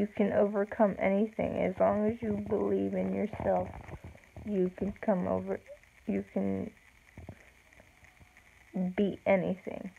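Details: Speech of an adult woman with cerebral palsy, real; slow with long pauses, no specific speech disorder named.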